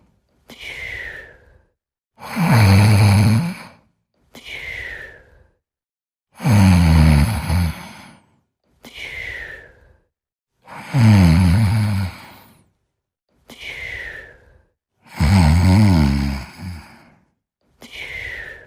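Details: Snoring during sleep: loud rattling snores on each in-breath alternating with softer whistling out-breaths, about 14 breaths a minute.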